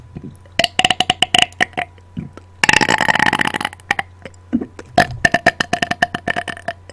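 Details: An adult woman burps on purpose directly into a microphone after dinner: a rapid series of short, voiced burps plus one longer rolling belch; belching.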